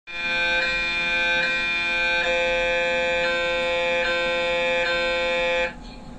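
Loud steady buzzing tone with a regular pulsing beat about every 0.8 seconds, then stopping; MRI scanner running a sequence.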